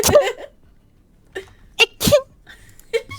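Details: Young woman sneezing, described as an anime sneeze, possibly from allergies: several short, sharp, high-pitched bursts of breath and voice, each with a quick intake before it; sneeze.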